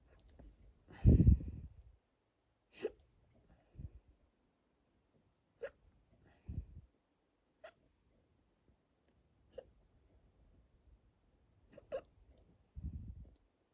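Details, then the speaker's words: Hiccups induced by drinking a lot of water, with a bloated, tight stomach, recorded from a stomach view; they are starting to hurt the chest and throat. Repeated short, abrupt gulping catches at irregular one-to-two-second intervals, with soft breathing between. "Anyway, focus and be silent for a little bit. Well, as silent as I can be with hiccups."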